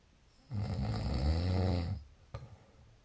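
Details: One long, deep, rattling snore on an in-breath lasting about a second and a half, followed by a quiet breath out; snoring.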